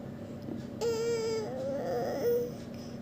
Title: Baby crying